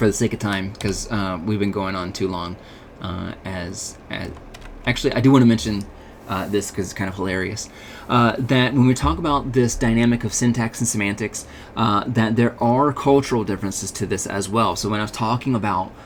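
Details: Adult male speaker; normal speech.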